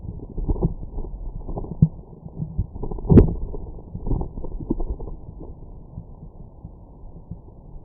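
Low rumbling gurgles with a few short louder bursts, typical of stomach growling from gas and fluid moving through the bowel.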